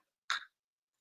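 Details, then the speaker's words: Adult woman with a lingering cough, recently COVID-tested and referred to a respiratory clinic to rule out problems, gives a single short, dry cough burst about a fifth of a second long. "For one, I was still having a cough, and you can hear it in my voice."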